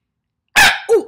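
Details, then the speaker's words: Adult woman born with Tourette syndrome, uncontrollable movements and noises: a sudden loud bark-like vocal burst followed by a short sliding 'oh'; vocal tic (Tourette syndrome). "it means I do movements and noises that I can't control they're called tics"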